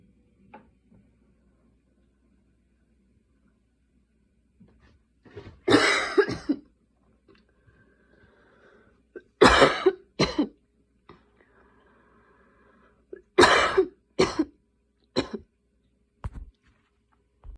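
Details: Night coughing fit at 12:30 am while unable to fall asleep: repeated harsh coughs in clusters of two or three, about eight in all, separated by quiet pauses.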